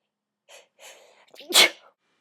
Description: I had a major sneeze attack during the night awhile ago. I tried to stifle some of them but it didn't really work.